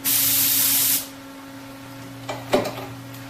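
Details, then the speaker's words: Portable dental unit demonstration: three-way air-water syringe, air and water buttons pressed together for spray; about one second of loud steady hissing spray, then quiet hum and light handling clicks. "3a 실인지는 전면부 조작 없이 어느 때든지 사용할 수 있습니다 에어가 나오고 물 나오고 두 개를 동시에 누르면 스프레이가 되고"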